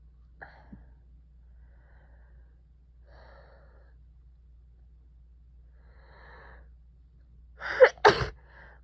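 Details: Person with a cold lasting over a week, with heavy runny nose, sneezing and coughing that will not stop: quiet breathing and sniffling, then a sharp gasp and a forceful double sneeze; sneezing.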